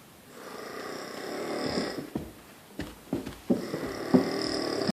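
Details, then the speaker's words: Sleeper snoring so loudly it was mistaken for an earthquake: a long, rough, rattling breath builds and fades, followed by shorter snorting catches. "I don't want to wake the sleeping Beast of Malaysia"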